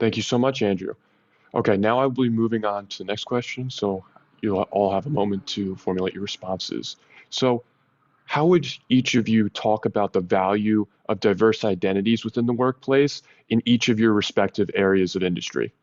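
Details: Adult male speaker; typical speech.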